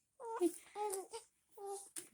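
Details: Infant with hiccups: short, voiced fussy cries and whimpers in brief bursts with pauses between.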